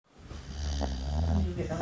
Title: Toffee snoring